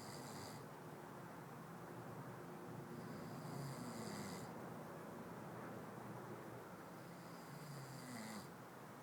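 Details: Faint, rough snoring from a sleeping male, about 16 breaths a minute over steady background noise.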